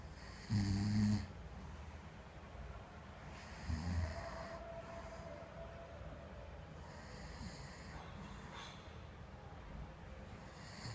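Two loud rattling snores on breathing in, followed by softer breathing and room noise: snoring during sleep.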